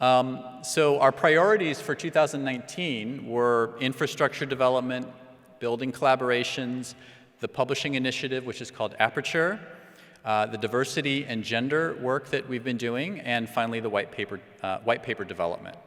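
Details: Adult man; normal speech.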